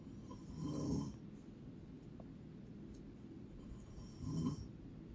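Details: Two loud, low, rattling snores about three and a half seconds apart from a sleeping adult woman (a mother), over a quiet, steady room hum; snoring.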